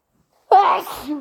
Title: Super wet sneezes plus a snotty nose blow